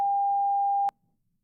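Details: Simulated tinnitus: a steady pure 800 Hz tone lasting under a second, played as an example of the ringing sound tinnitus patients hear.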